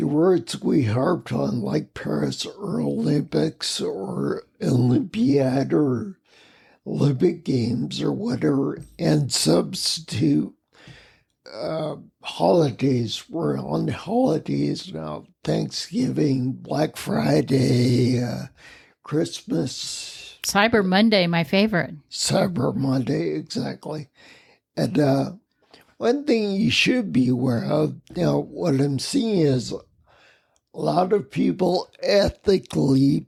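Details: Ataxic dysarthria in a man with spinocerebellar ataxia, a rare neuromuscular disease that has also caused mobility challenges and noise-induced anxiety; he has lived with these disabilities for over 20 years.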